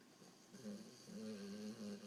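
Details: English Bulldog asleep after playing at the beach, seemingly dreaming; low, rattling snore on each breath in a quiet room: snoring.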